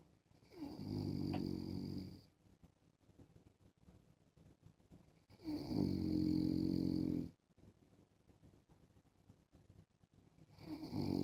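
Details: Husband snoring in sleep while wearing a mask: long, low, buzzing snores on each breath about 5 seconds apart, with hissy air noise between them.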